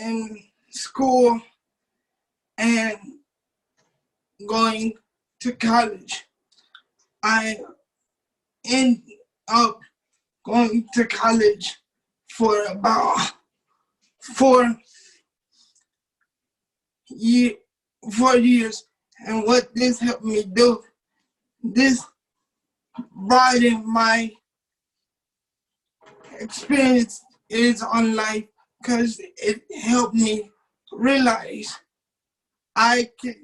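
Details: Dysarthric speech in a 27-year-old man with cerebral palsy since birth, whose muscles do not work typically; he uses a wheelchair, and doctors had told his family he would never talk.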